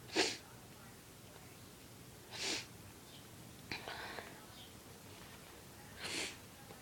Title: More induced sneezes